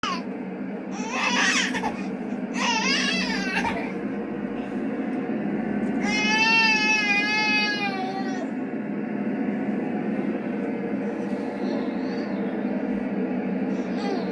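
Short, high, wavering whiny cries from a baby over steady room noise; ordinary fussing at bedtime, kitten-like in tone.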